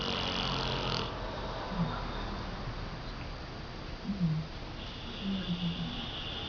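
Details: Dog snoring really loud in sleep: soft, low rumbling breaths with a faint fluttering rattle against steady room hiss.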